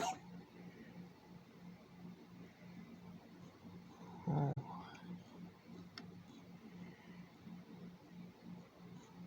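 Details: A single short, harsh cough from a pet, recorded to show the vet, breaks through a steady low rumbling background; one cough heard.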